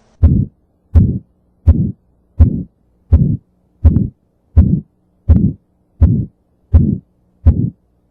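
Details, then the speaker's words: Example of an aortic stenosis murmur for USMLE heart-murmur teaching: regular heartbeat about 83 a minute, each beat carrying a harsh systolic murmur; aortic stenosis is linked to paradoxical S2 splitting. "and so here is an example of the heart memor for the ertic"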